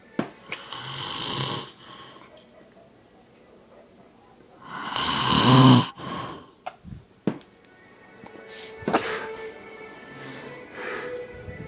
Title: Big man snores.